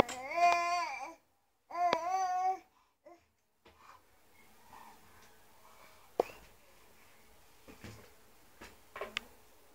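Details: Healthy 7-month-old baby girl: two short, high-pitched infant cries, then quiet fussing and small noises in a room.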